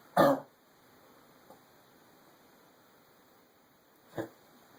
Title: coughing